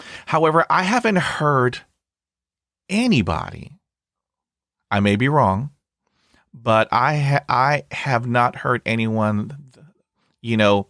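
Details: Stuttering in an adult man, starting around age 3 when he developed Lyme disease from a tick bite. It was full-blown by middle school and is now somewhat controlled, with bad days or weeks; briefly closing his eyes eases blocks and repetitions.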